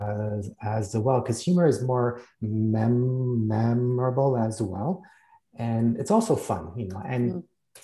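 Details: Stuttering in an adult male cartoonist.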